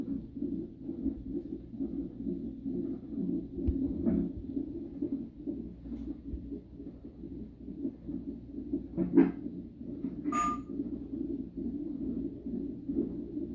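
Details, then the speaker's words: Fetal heartbeat on Doppler during a 37-week non-stress test in a high-risk pregnancy: rapid, rhythmic whooshing pulses with brief bumps and clicks from fetal movement; heart rate rises with movement, a normal, reassuring pattern. "When the baby moves, you can hear when the baby moves, the heart rate will go up."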